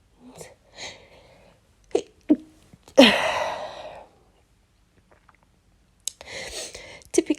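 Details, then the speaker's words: Several sharp, explosive sneezes with inward breaths before them, including one loud full sneeze, then more sneezes and sniffles, from a person who gets sniffly and sneezy when it rains, after rain all night. "when it rains I do tend to get quite um sniffly Sneezy"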